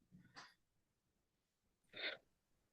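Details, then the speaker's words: Adult counselor in a counseling role play tries to hold a sneeze: soft stifled burst, then a sharp hissing explosive release about 1.5 seconds later; sneeze. "Yeah, it sounds like and I'm so sorry for sneezing right there. I tried to hold it,"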